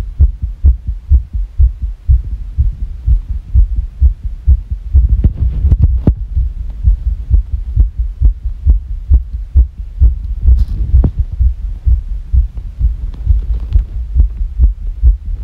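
Rapid low thumping heartbeat, roughly 130 a minute, with uneven spacing between beats: fast irregular heartbeat.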